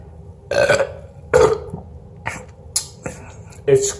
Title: Burping on prompt